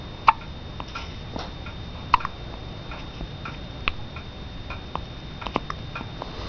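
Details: 11-day-old baby girl with hiccups: sharp, brief clicks repeating roughly every two seconds over steady room noise; hiccups.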